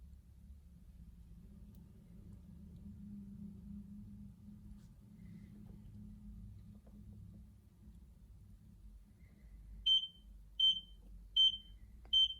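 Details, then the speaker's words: Vintage semi-electronic Boso-tron blood pressure and pulse meter on an adult's arm cuff, inflated to 140: cuff deflation hum, then short high beeps per pulse at about 80 a minute. "You can hear the pulse. And the 80. I believe that's a good value."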